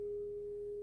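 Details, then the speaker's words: A steady, pure, mid-pitched tuning-fork tone placed behind the ear in a role-played hearing test for mild hearing loss, which the examiner attributes to wax buildup. "So if you listen, it's got mini vibrations in it, and it helps us to identify when you can no longer hear the sound."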